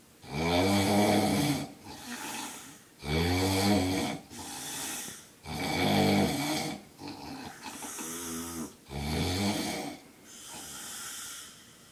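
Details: Loud, rattling inspiratory snores about every two to three seconds, with quieter breathy exhalations between, from a man sleeping in public at a capsule hotel.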